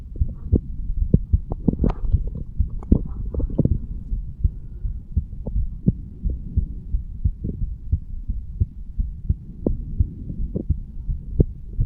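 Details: 35-year-old man standing, heartbeat recorded over the bicuspid (mitral) valve area; normal heart sounds.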